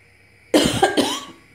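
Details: Two short, sharp, dry coughs in quick succession from an adult with a sore throat, in a quiet room.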